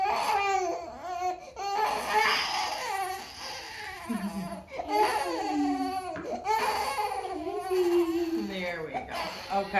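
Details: Infant girl under gentle pediatric chiropractic care for hip imbalance and postural strain, with physical therapy just started, giving repeated high-pitched wailing cries with brief breaths between bursts while adults talk faintly; a plain infant cry.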